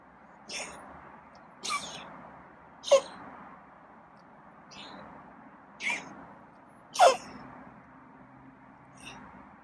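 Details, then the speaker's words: Feral cat Scruffy, during petting, in a roughly one-minute coughing fit: seven short, sharp hacking coughs at irregular intervals; owner says it almost sounds asthmatic. "i guess he's done coughing so i haven't seen him cop that long before this almost sounds asthmatic"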